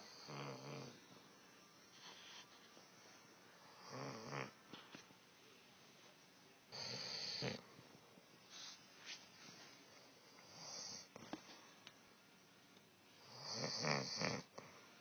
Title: Wife snoring